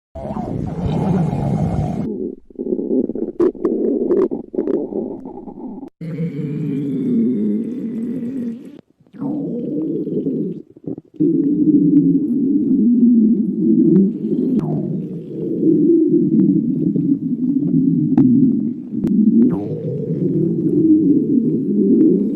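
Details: Low, long gurgling and rumbling belly sounds with brief pauses; stomach growling (borborygmi).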